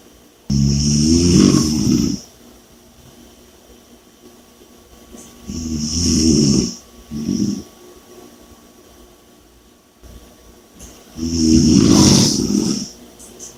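Loud rattling snores on each breath in, about 11 a minute, with quiet breathing out between; heavy snoring.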